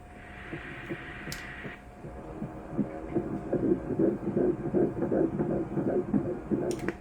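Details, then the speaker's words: Rapid rhythmic whooshing fetal heartbeat on ultrasound at 11 weeks of pregnancy, rate about 159 bpm, normal; female fetus moving around, partly hidden behind a maternal fibroid. "Beautiful. Okay. Current heart rate, about 159. Good."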